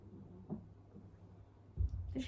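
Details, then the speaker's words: An adult's own stomach rumbling after eating a lot of food that day: a low, faint gurgling rumble over quiet room noise. Normal stomach rumbling (borborygmi). "that that's my stomach i don't know if you heard that that was my stomach rumbling which it shouldn't be because it's had a lot of food today"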